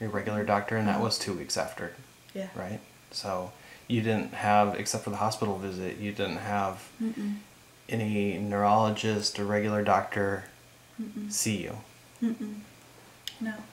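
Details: Adult male speaker (interviewer); normal speech.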